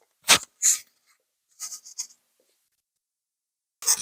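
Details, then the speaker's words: Short dull thud and soft clicking pops from an internal snapping hip, recorded with a microphone held close to the hip of an adult with the condition. "I have found some things that I can do to control my own snapping hip just through self-discovery and I'm going to share a couple of those with you now just to give you an idea I'm going to take a microphone and put it a little closer and see if you can actually hear the snapping"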